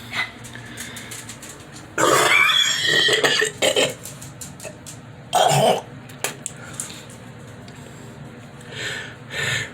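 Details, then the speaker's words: Productive cough in an adult with COVID-19 (tested positive); breathing fine, chest slightly tight; harsh, wet throat-clearing and coughing bursts working up paste-thick phlegm that brings on nausea. "everybody talks about the lungs and right now my breathing is fine but i'm coughing up some very bad stuff this is gross but i just want to let everybody see what i'm dealing with"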